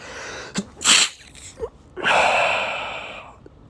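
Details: Adult with pollen allergy (allergic rhinitis): a quick inhaled gasp, a sharp sneeze and a long loud second sneeze; sneezing from allergies.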